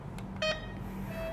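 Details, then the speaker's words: Infusion pump being programmed during an IV infusion demonstration: a short electronic beep over steady room hum as select is pressed to confirm a total volume of 500. This is a normal device sound. "ini untuk ratusan ini 800 ya kurangi lagi sampai 500 nah ini sudah 500 maka tekan select"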